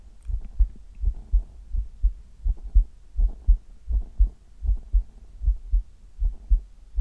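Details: Adult chest heartbeat recorded for ASMR, steady lub-dub with two low thumps per beat at about 82 beats a minute, faint background hum; heartbeat.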